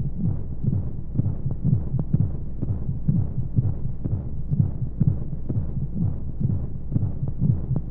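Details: Womb sound played as a baby sleep aid: soft muffled regular heartbeat thumps, about 125 a minute, under steady white-noise flow hum; heartbeat.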